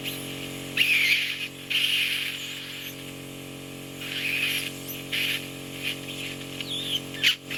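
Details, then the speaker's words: Ear wax microsuction in a bedbound woman in her 90s with hearing loss from a completely blocked, oiled ear canal: continuous suction hiss and hum with louder sucking bursts as a thin peeled wax layer is drawn up. "Now that was a beautiful backwards peel. The oil has brought that incredibly thin layer right to the surface and allowed it to be suctioned up so easily."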